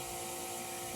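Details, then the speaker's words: Suction unit in a simulation lab, switched on and building pressure before tracheostomy suctioning demonstrated on a mannequin: steady loud whine and hiss of the suction machine running. "so for the demonstration I'm going to turn all this loud noise off and we'll demo how to suction a tra"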